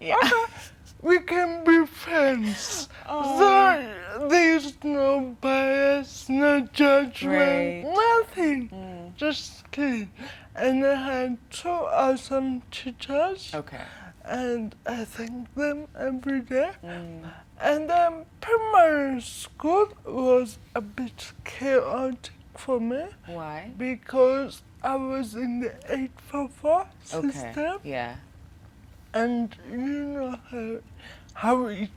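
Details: 25-year-old woman with cerebral palsy caused by lack of oxygen at birth during her mother's prolonged labor, affecting leg and hand movement, coordination and speech; dysarthria.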